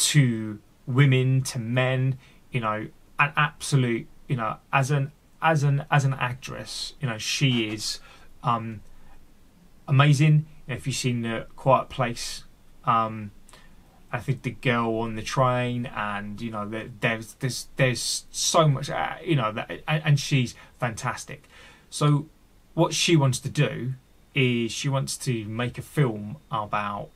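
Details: Adult male with a stammer he says he fights every single day and that has affected his mental health over the years; speech showing stuttering.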